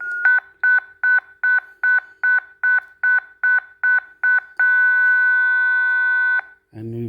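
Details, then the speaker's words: ZOLL M2 defibrillator in manual mode, set to 150 joules: rapid repeated beeps, two or three a second, while charging, then a continuous steady tone when charged and ready to shock. "we can now deselect down to 150 joules and you can charge"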